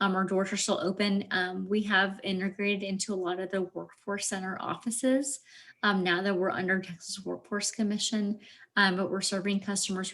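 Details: Adult woman speaking; Normal speech.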